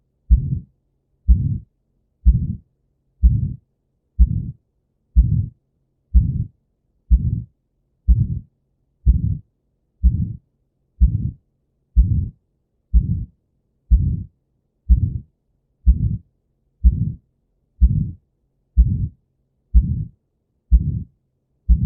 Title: Murmur of Aortic Stenosis | Heart Sounds | Auscultation of Heart Sounds @cardiologyinsights